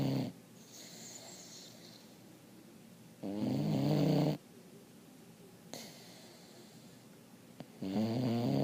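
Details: Loud rattling snore on each breath in, with quiet breath out between, about 14 breaths a minute; snoring.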